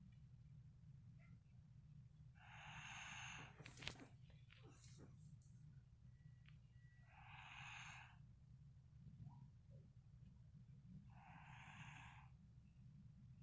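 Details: Light snoring: soft, hissing, whistling breaths about every four seconds over a low room hum, with a few small clicks and snorts.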